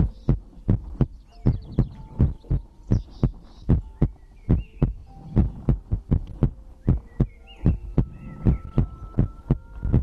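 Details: Own heartbeat recorded for ASMR heartbeat-and-breathing sleep content: deep, regular thumping beats, about 75 a minute, with faint soft tones in the background; a normal heartbeat.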